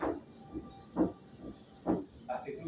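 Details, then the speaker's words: Third heart sound (S3) gallop: repeating heart sounds at about 66/min with an extra faint early-diastolic sound after S2, from rapid ventricular filling and wall vibration, giving a three-beat horse-gallop rhythm; may also occur in children and adolescents. "el tercer ruido es por un llenado ventricular rápido, ¿no? Por vibraciones de las paredes que se suena como galope. Galope es como un galope de un caballo."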